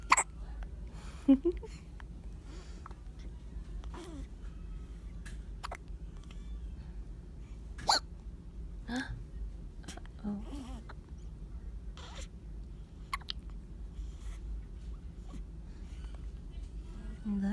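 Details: Newborn baby with hiccups: soft, brief, evenly spaced hiccups, roughly one every second or two, over quiet room noise.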